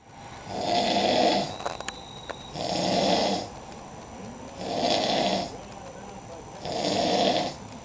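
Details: Person with a habit of loud snoring: harsh, regular snoring, about four snores in eight seconds, roughly 30 a minute.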